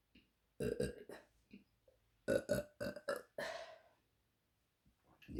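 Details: Woman ("queen of burps") burping deliberately: a run of short, deep, voiced belches in quick clusters ending with one longer burp.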